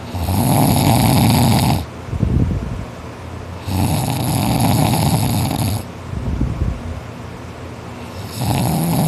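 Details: Boy asleep after a tiring day of extra-hard work, snoring non-stop; he notes he snores louder when tired. Loud, harsh, rattling snores on each in-breath every three to four seconds, quieter out-breaths between; snoring.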